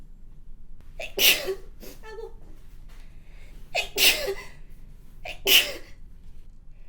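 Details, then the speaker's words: Three forceful sneezes, each led by a quick catching in-breath, in a quiet room, from a woman with a runny nose who mentions windblown pollen; sneezing. "く、鼻水。すい。すごい。すごいです。恥ずかしい。"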